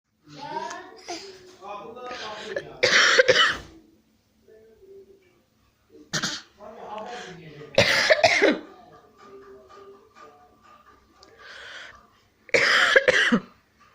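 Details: A child's voice making three loud, forced cough bursts between quieter vocal sounds; an imitated cough, not a real one.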